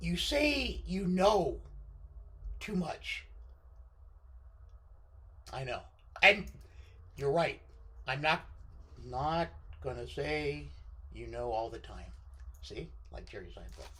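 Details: Left-sided vocal cord paralysis following surgery in a male speaker, limiting his control of his voice.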